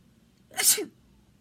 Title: LAB RAT 365: Can I Fake Sneeze?